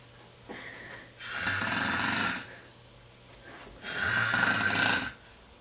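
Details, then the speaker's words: Man recorded live while asleep: two loud, rough, fluttering breaths separated by quiet pauses, slow rhythm with vibration on each breath: snoring. "This is snoring. We're about to record him snoring live in the act."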